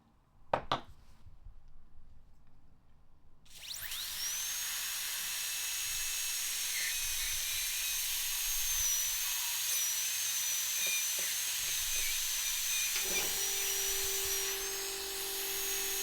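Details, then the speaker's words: Dental drill on a surgical extraction simulator: a click, then a steady high whine while sectioning a three-rooted tooth into three single-root fragments for individual removal. "And moments what we're going to do is section this three-rooted tooth into three single root fragments and then take each one of those out individually."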